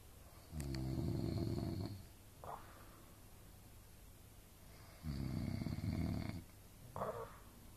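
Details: Adult parents snoring while asleep in a shared hotel room: loud, low, buzzing snores on each inhale, each followed by a short breath out.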